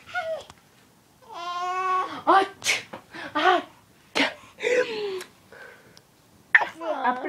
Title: Baby Faking His Sneezes(: